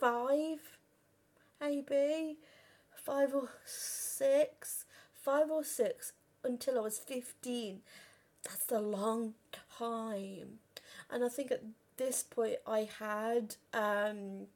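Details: Real stuttering in a 32-year-old woman who has stammered since about age five or six; had speech therapy and learned breathing techniques at 15; reports still being at her worst on the phone.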